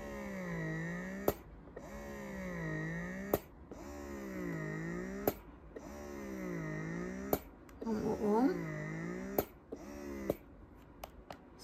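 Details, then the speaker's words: Mom Uung electric breast pump in suction mode: a quiet motor hum rising and falling in regular cycles, about 29 a minute, with a soft click each cycle; described as silent. "Sedangkan ini adalah suara untuk pompa Asim ini mode massage dan ini mode hisapnya"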